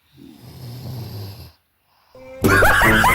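One low, rough, rattling snore on an in-breath from a sleeping child, then a brief pause and loud music.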